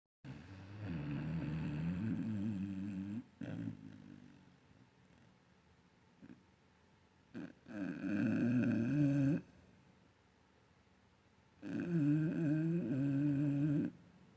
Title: puppy snoring then dreaming